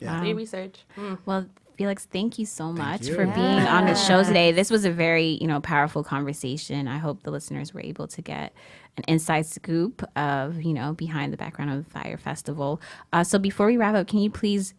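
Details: Adult speaker, podcast host; ordinary speech.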